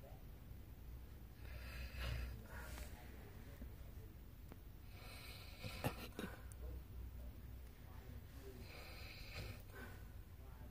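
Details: Adult woman (the recorder's mother) snoring during sleep: slow, rough snorting breaths a few seconds apart in a quiet room.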